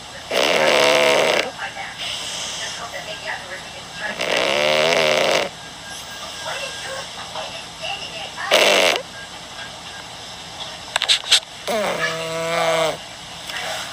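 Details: Puss Puss, a 13-year-old black cat, snoring while asleep: loud, buzzy, rattling snores in regular bursts, about 15 a minute, with a quiet breathing hiss between.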